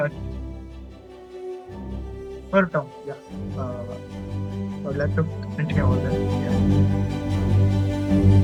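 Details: Adult man who says he stutters and finds speaking with different people difficult; stuttering.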